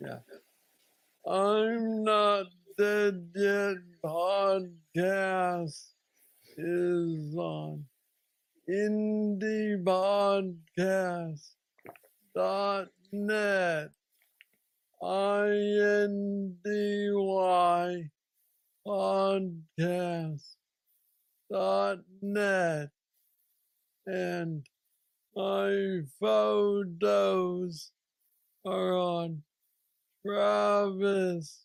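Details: Man diagnosed with Parkinson's disease at age 35, about nine years earlier, with what he calls the most aggressive form he knows; treated with a brain stimulator implant. Parkinsonian speech (hypokinetic dysarthria).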